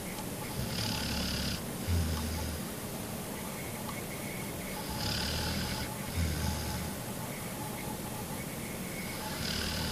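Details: A sleeping female pet dog, described as a very heavy sleeper, snoring loudly: low, rumbling snores about 14 a minute with quieter breathing between them; dog snoring.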